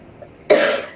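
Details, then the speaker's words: Adult with a cough that has not cleared for almost a month, treated by a Chinese medicine doctor via pulse reading: a single harsh cough burst after a quiet moment; persistent cough. "Ini aku udah dua kalinya teman-eman dulu waktu covid sama ini soalnya kemarin ke sini aku batuknya gak sembuh-sembuh"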